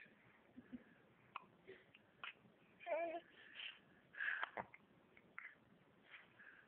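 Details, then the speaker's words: Infant being encouraged to crawl, with hiccups: several short, abrupt catches of breath at irregular intervals over soft room sounds; infant hiccups. "where you doing you got hiccups oh oh"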